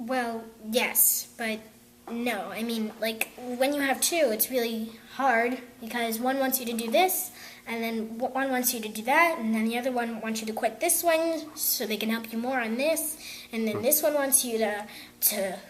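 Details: Young girl who stutters, attending a theatre group; repetitions; stuttering.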